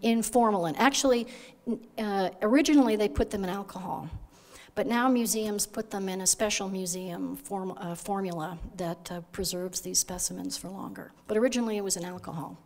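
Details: Adult woman lecturing; Normal speech.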